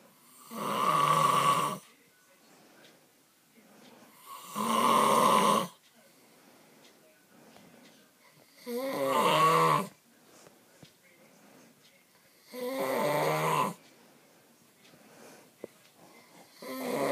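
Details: Man snoring loudly all night: loud, rumbling snores about every four seconds, roughly 15 a minute, with quiet breathing between; snoring.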